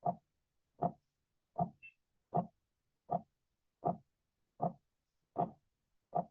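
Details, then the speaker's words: Short scratchy bursts with each heartbeat at about 79 a minute: pericardial friction rub, generally associated with pericarditis. "Quiero que noten que en cada latido eso como que raspase, ¿no? Eso, ese sonido es el frote pericárdico, ¿no? Y generalmente puede estar asociado a una pericarditis, ¿no?"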